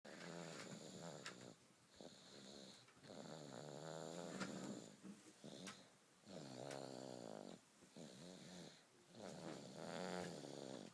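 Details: Sleeping baby snores rapidly and regularly on each breath, with a fluttering rasp and a faint high whistle through the nose; baby snoring.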